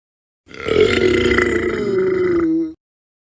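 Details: Royalty-free burp sound-effect compilation: one long, loud, voiced belch lasting about two seconds; burping.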